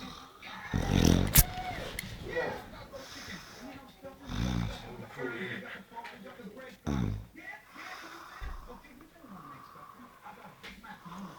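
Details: A man sleeping gives loud, rough, low snoring bursts at irregular intervals with snorting breaths between, over faint room noise; ordinary snoring.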